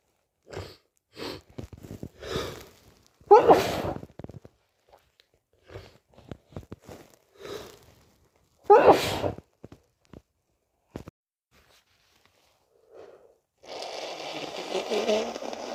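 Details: Sneezing with a cold: series of wet, forceful sneezes with sharp bursts and short gaps, ending in running water or a nose blow.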